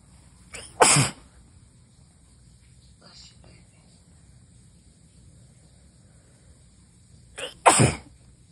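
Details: Two strong, forceful sneezes recorded January 6, 2023, each with a short intake before the explosive burst, several seconds apart, with a girlfriend saying bless you; ordinary sneezing.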